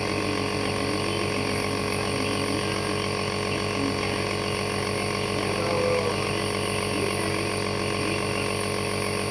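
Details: Child receiving nebulizer treatment for cough and runny nose: steady mechanical hum with fast, even pulsing of a small compressor motor; nebulizer running.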